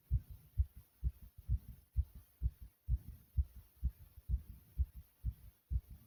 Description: here's another recording of my heartbeat.